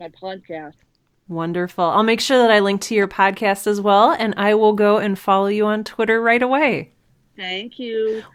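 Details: Adult speaker; ordinary speech.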